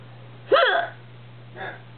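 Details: Person with persistent hiccups, continuing despite remedies like holding breath: a sharp, voiced hiccup followed by a softer second one; ordinary hiccups.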